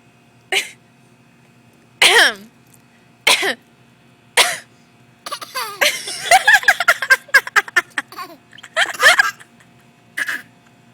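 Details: Young child imitating a cough: short, forced cough-like bursts and a quick run of throaty huffs.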